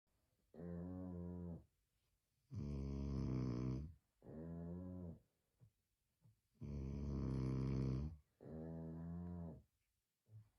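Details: Two sleepers snoring in turn, as if synchronized, with loud rough snores of one to two seconds each in an even alternating rhythm; snoring.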